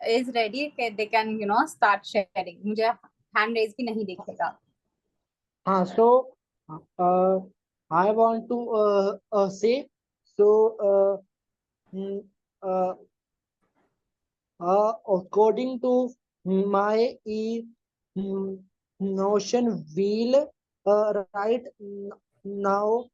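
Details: Likely stuttering (stammering) in an adult man speaking in a Zoom workshop; he is a 12-year member of a stammering association and seems to include himself among people who stammer.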